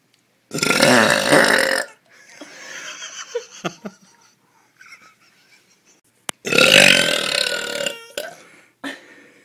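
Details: Girl: two long, loud, rumbling burps with a short pause and soft laughter between: belching.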